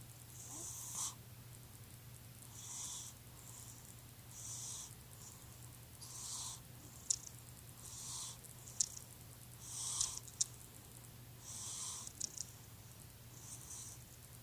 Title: cute cat sleeping and snoring